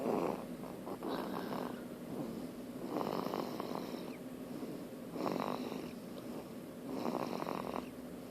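Rhythmic, rattling snores at about 30 breaths a minute, with quieter breathing between them.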